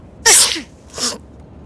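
Two loud explosive sneezes in quick succession, acted for a commercial.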